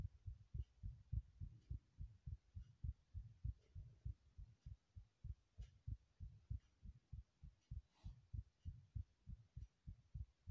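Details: Steady, low, muffled thumps repeat in quick paired beats against a faint hum; a regular heartbeat, remade recording.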